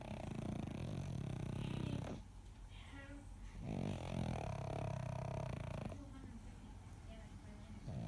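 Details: Snoring very loudly: loud, low rumbling snores rising and falling with each breath, brief quieter gaps between.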